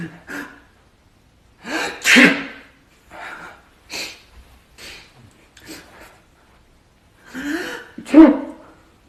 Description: How people sneeze